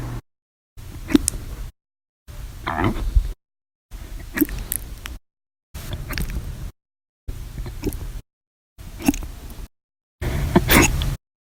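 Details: Repeated abrupt loud hiccups in separate bursts with a sharp onset; a persistent episode lasting 13 hours 14 minutes, following breakfast, lunch and a cup of soda after dinner.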